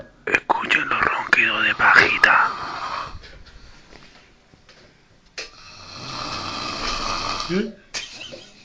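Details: Brief murmured voice, then one long, noisy, rasping breath from a sleeping person, followed by a short exhale: snoring.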